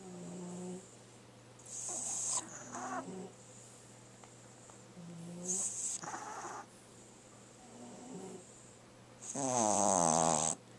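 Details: French bulldog puppy snoring heavily while asleep: rhythmic, rattly, snorting breaths roughly every four seconds, ending in a louder whistling snort.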